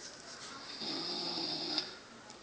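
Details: Andy, a person asleep with a TV remote in his hand, snores: a single rough, rattling breath in a quiet room.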